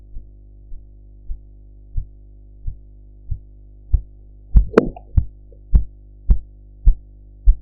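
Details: Blood pressure practice with a sphygmomanometer: regular soft tapping pulse sounds, about 95 a minute, growing louder. These are Korotkoff sounds, audio-enhanced for practice.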